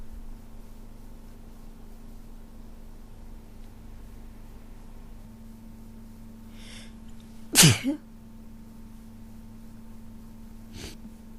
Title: lots of cold sneezes